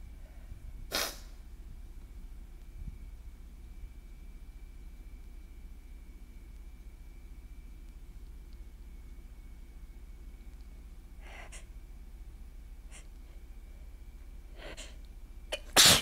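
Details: Allergy attack: about five sharp sneezes spaced over the clip, going from normal to forceful, congested, desperate sneezes, growing louder toward the end, in a quiet room; sneezing fit.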